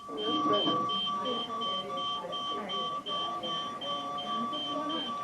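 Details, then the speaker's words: Repeating high electronic alarm tones with background voices and music: NICU monitor alarm for a premature newborn whose oxygenation and blood pressure dropped drastically, suspected bleeding; stat chest film ordered. "When those alarms go off, what did you see in her case? Well, what I saw was her oxygenation dropping drastically. I saw her blood pressure dropping drastically."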